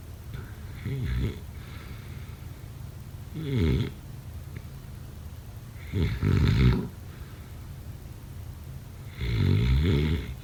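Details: Low rattling snores on each breath, about four in ten seconds, over steady background hiss; snoring during sleep.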